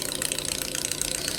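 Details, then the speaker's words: Laparoscopic suction irrigation pump started in irrigation and flush mode while the flow rate and pressure are adjusted: rapid, steady mechanical pulsing with a hissing whir. "here the machine is being started. Now you can see here we have to change the flow rate, so we have to press this button."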